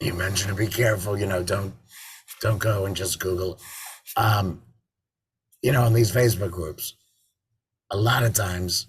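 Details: Tracheoesophageal speech from an adult man after total laryngectomy in February 2019, with a tracheoesophageal voice prosthesis (TEP) fitted in September 2019; he sometimes also uses an electrolarynx.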